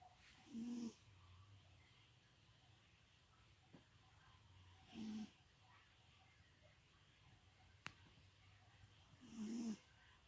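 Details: Long-furred cat, possibly a Maine Coon, sleeping with paw over face: three soft, low snoring sounds at long, slow intervals, about 14 per minute, in a quiet room; snoring.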